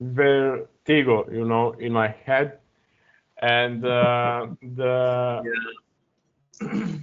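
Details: Adult man who stutters, speaking English as a second language, uses a speech technique of focusing on the first or second vowel of a word; heard with hesitations and repeated fillers; stuttering.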